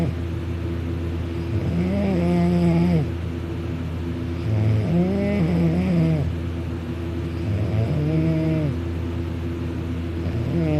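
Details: Man napping on his back on a couch, mouth open: loud, rumbling snores with a rising higher-pitched tone on each in-breath, about three snores in eleven seconds, over steady room hum; heavy snoring.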